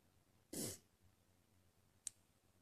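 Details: Person deliberately trying to sneeze "girlier" on request, sneezes getting messier and wetter; one brief, soft burst of air with a hiss, then a short faint click: a small, deliberate sneeze.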